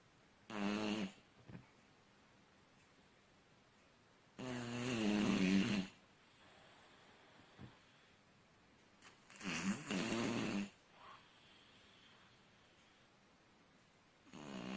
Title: The Strange Case Of Snoring Cats